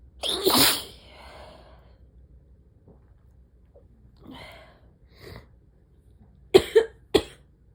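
One loud explosive sneeze, then quiet breaths and a quick burst of three short sneezes, a sneezing fit.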